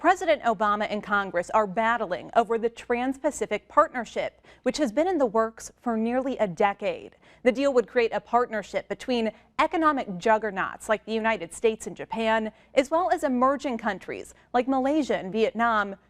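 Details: Adult woman, news presenter; Normal speech.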